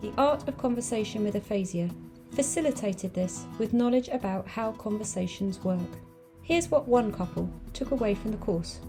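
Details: Adult female narrator; normal fluent speech.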